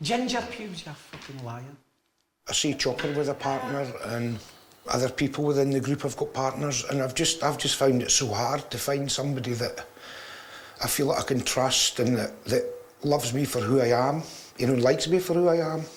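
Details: Man in his 30s with severe Tourette syndrome, involuntary movements and vocal tics including obscene outbursts, often triggered by everyday situations; vocal tics (Tourette syndrome).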